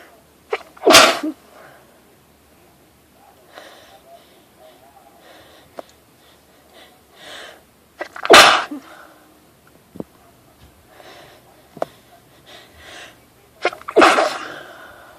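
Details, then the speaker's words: Repeated sneezing right after about 10 minutes in a hardware store with a strong nasal tickle, nose irritated by plants, tools and wood: three forceful sneezes, each preceded by a short breath in. "have to sneeze so bad. I can't hold the bag. And I can't stop. I'm gonna sneeze."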